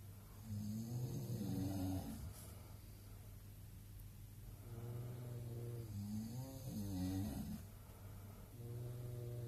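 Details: Snorer recorded in a hostel in Queenstown: two long, rumbling, tonal snoring breaths with a steady low hum underneath; snoring.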